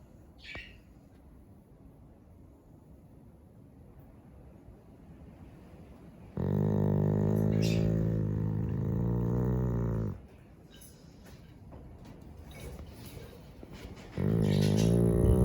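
Quiet room, then a long, loud, buzzing rumble on one breath lasting several seconds, and a second one starting near the end: snoring.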